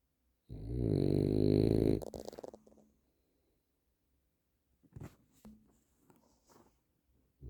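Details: Maarley, a sleeping dog, exhausted and said to snore a lot: a long, loud, buzzing snore trailing off into fluttering, then soft snuffles; heavy snoring.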